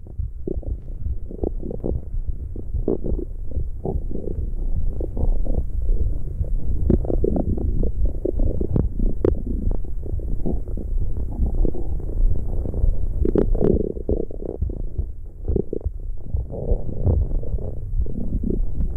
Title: ASMR This is the sound you were looking Stomach growling 💤